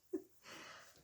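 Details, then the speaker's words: An adult suddenly gets the hiccups while talking: one sudden, short voiced catch, then a soft breathy exhale, a single hiccup with erratic breathing. "know i got the hiccups guys i'm sorry if you can hear my breathing erratic breathing here i just suddenly got the hiccups"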